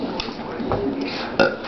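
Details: Two short, low, gurgling belches against light room noise, deliberately attempted; burping.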